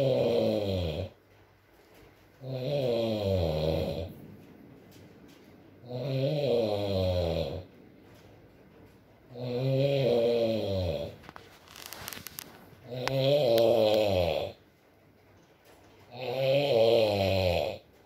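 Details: ASMR recording of a sleeping man snoring, with rain and mumbles: regular loud vibrating snores on each breath, about 18 a minute, quiet gaps, soft rain background; snoring.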